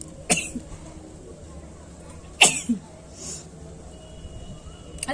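Two sharp, hissing bursts about two seconds apart over low room noise and faint music, consistent with sneezes.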